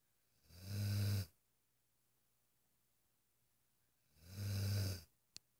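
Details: Two deep, low, rumbling snores about three and a half seconds apart from Devlin, a relaxed sleeping Irish Wolfhound; regular snoring.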